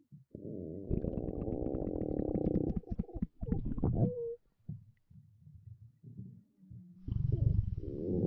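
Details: Girl's stomach growling: long, low gurgling rumbles with bubbling pops, then shorter bursts of gurgling; ordinary bowel sounds (borborygmi).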